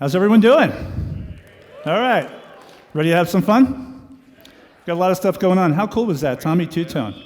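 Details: Adult man speaking to an audience; normal voice.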